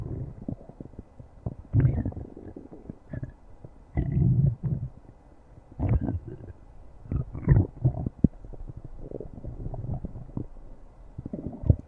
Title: stomach growling